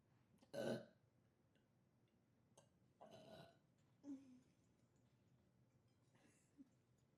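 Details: Four short adult belches in a row, the first and third loudest, each a brief, rough, voiced burst from the throat; burping.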